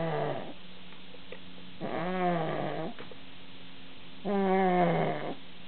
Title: Snoring